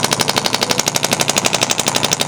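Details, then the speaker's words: Radial shockwave therapy, first session, on a university student's shoulder and shoulder blade, tender from heavy-backpack strain, with gel: rapid, loud, even percussive tapping, about twelve pulses a second, the applicator slapping the skin like a very strong Theragun. "This is more like a very strong Theragun, so you're feeling that slapping on the skin, and that's even kind of what you're hearing with the treatment as well."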